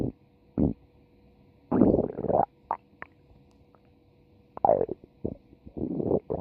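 Bursts of gurgling, rumbling bowel sounds with short squeaks between quiet gaps: ordinary stomach growling, a normal finding.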